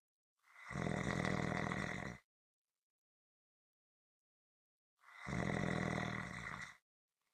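Two long, loud, rattling snores about four seconds apart, with complete silence between them, a regular snoring rhythm.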